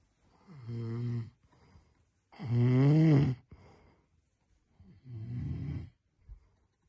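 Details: Human snoring at night recorded by a roommate unable to sleep because of it.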